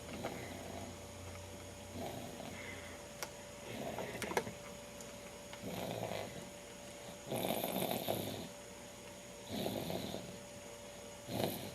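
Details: Six-month-old baby boy snoring with soft, rhythmic noises on each breath, about 34 breaths a minute, over a steady room hum; he makes all the noise, not his father.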